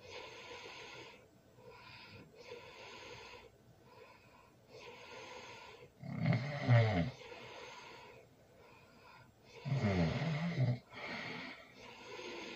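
Rough, low snoring breaths, some much louder than others, with quiet room noise between them.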